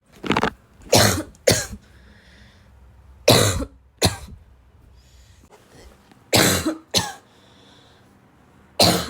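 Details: Girl's afternoon coughing fit that started weak and became violent: early part, seven fairly weak, separate cough bursts with short quiet pauses between them.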